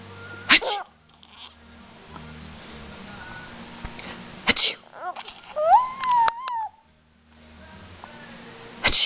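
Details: 7-month-old producing several sudden, sharp, hissing sneezes with a brief voiced sound between them, over steady room hum; sneezing.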